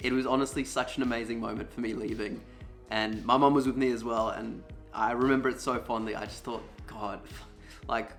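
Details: Adult male speaker; Normal speech.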